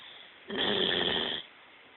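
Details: A sleeping female Bloodhound snoring: a single loud, rattling snore lasting about a second in a quiet room.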